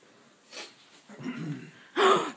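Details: Snoring child (Juliet, no—private name omitted) — few noisy snorting breaths indoors, the last loud with a whistling edge, at bedtime: snoring.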